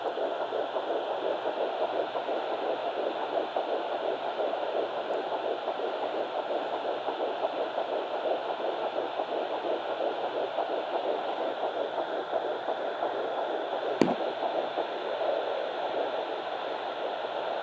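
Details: Twin pregnancy at 9 weeks 6 days, Baby A finally found on the left side after days of searching with a fetal Doppler: a rapid, fine galloping whoosh through static. Early fetal heartbeat.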